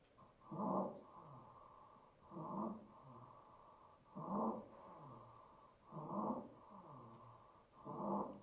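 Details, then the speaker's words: Recording with croup: five harsh, barking coughs at a steady pace with noisy breathing in between; the classic croup bark, a barking cough with stridor. "usually in the case of C at least you'll hear the the proverbial Cy cough which if any of you uh folks have kids that have had croo you know what that's sounding that little bark sounds like"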